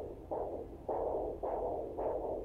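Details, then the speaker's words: Doppler of the demonstrator's radial artery: rhythmic whooshing arterial pulses, about 110 a minute, described as a pretty good pulse. "You can hear a pretty good pulse going right now."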